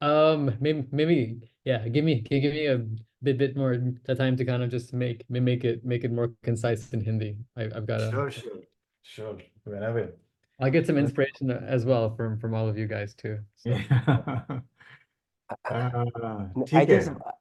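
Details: Adult man in a stammering self-help practice group who says he stammers, repeating sounds and getting stuck; stuttering (word and part-word repetitions).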